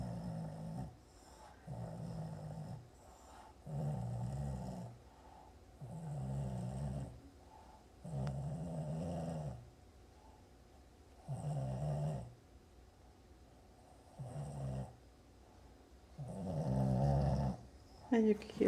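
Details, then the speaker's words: Awake Boston Terrier looking out a window with stertor, snoring-like breathing while not asleep: rhythmic low snoring noise with each breath, about 26 noisy breaths a minute. "you can hear somebody snoring here, and she's not even sleeping."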